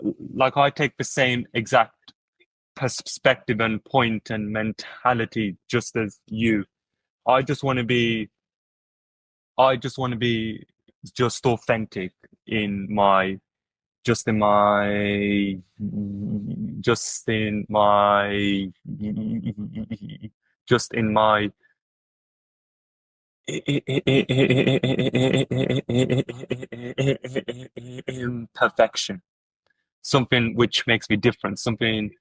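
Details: Adult who stutters, with word repetitions: stuttering.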